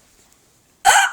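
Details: Near silence, then one abrupt, loud voiced hiccup during a hiccup bout lasting nearly four minutes, soon after eating; the person feels gagging.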